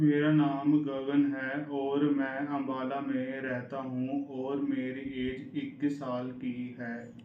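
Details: Stuttering in a 21-year-old man who had acute stuttering (about 60-70% severity, with facial and lip movements) before treatment, recorded after a 2-week treatment course while speaking with the taught fluency-shaping technique.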